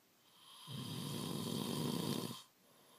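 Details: Adult male partner snoring in his sleep before being woken and asked to turn over: one loud, rough, rattling inward snore under two seconds in a quiet room; typical snoring.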